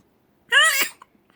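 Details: Single short infant sneeze, a brief high-pitched voiced burst ending in a breathy puff, from a baby who also has hiccups.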